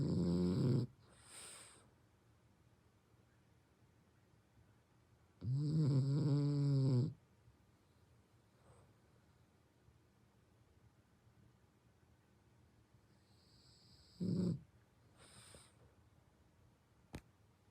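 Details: Sleeping brindle French bulldog snoring heavily, likened to an old man's snore: loud, deep, throaty snores separated by long quiet pauses; heavy snoring typical of flat-faced dogs.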